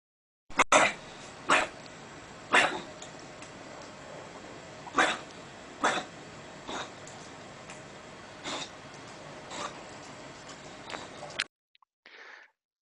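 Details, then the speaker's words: Puppy with kennel cough from laryngotracheitis: repeated sharp, dry coughing bursts of very rapid expiratory reflexes, not preceded by a deep inspiration, arising from the upper airway. "we got a puppy which is presenting again with coughing but the cough this time is not preceded by a deep inspiration and is characterized by a battery of very rapid xp rhetoric flexes"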